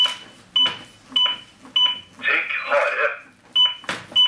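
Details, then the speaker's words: AED demonstration after analysis advised a shock: during CPR, steady two-tone metronome beeps at about 100 a minute pace chest compressions, with voice prompts for good compressions and praise when they are done right. "sier han til deg at du skal gi han ordentlig kompresjoner god kompresjon og så skryter han de når du får det til"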